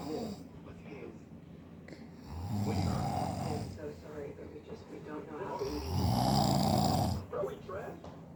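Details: Husband snoring during sleep, remarked on as really loud: two loud, rough, rattling in-breath snores a few seconds apart, with quieter breathing between; loud snoring.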